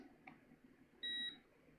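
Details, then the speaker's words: Handheld deep brain stimulation controller of a man with Parkinson's disease switched on, giving a single short electronic beep in a quiet room before showing his settings. "beep and it shows my settings I'm okay"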